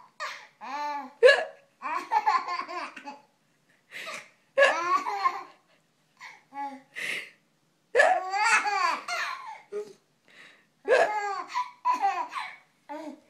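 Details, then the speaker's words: Adult woman (the baby's mother) with hiccups: short, sharp gulping catches at irregular intervals while her baby laughs and babbles throughout. "hicups I can't help it I have the hicups"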